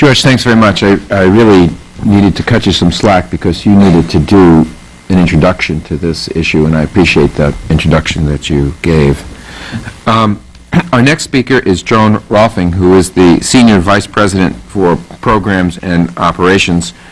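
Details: Adult man speaking; Normal adult speech.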